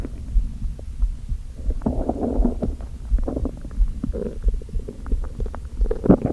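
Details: Low gurgling rumbles and bubbling squelches from the empty stomach of a person who had not eaten all day, only coffee, with hunger pangs and a slight headache: hunger growling.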